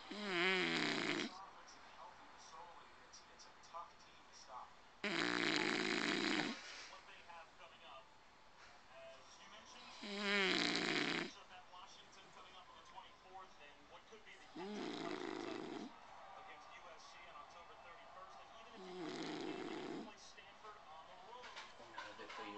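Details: Sleeping bulldog snoring after a long day: loud, rough, rattling snores about every five seconds, roughly 12 a minute, with quieter breathing between.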